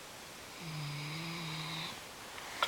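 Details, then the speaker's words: A female Great Dane snoring while wide awake: a single drawn-out, low, buzzing snore-like breath. "Benatar. Are you snoring? Are you awake and still snoring?"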